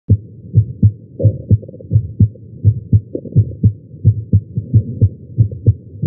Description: I was having some chest pain during this. I was lying on my chest and the Stemoscope was placed at tricuspid.